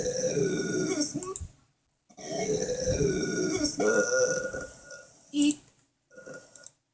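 Several long, loud, rumbling voiced belches with short pauses between them, in a small quiet room.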